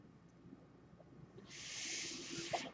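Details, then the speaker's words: Podcaster's own mechanical ventilator heard during speech: quiet room, then a steady airy hiss rising midway and lasting over a second as a breath is delivered; mechanical ventilator sound. "That noise you're hearing is my ventilator."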